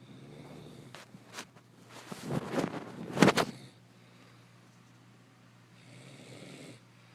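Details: Adult woman snoring in her sleep: loud, rough, vibrating breaths building to a snort, then a softer breath over a steady hum; snoring.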